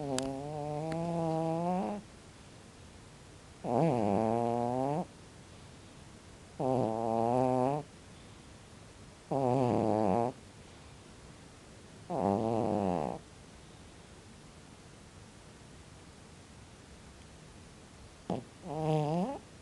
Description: very loudly Snoring Sleeping CAT